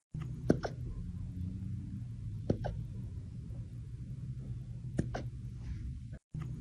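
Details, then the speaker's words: Young puppy with a relentless bout of hiccups, possibly an AI recreation: three brief, sharp hiccup sounds about 30 a minute over steady low background noise; hiccups. "this tiny cutie plagued by a bout of Relentless hiccups captures everyone's heart but fret not relief is just a sip away all he needs is a little water and he'll be his joyful self again in no time"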